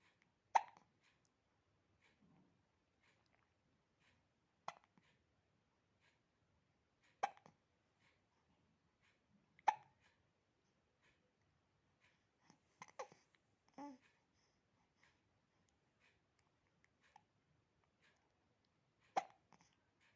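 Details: 8-week-old baby boy with hiccups: soft, sharp hiccups, seven in twenty seconds, in a quiet room.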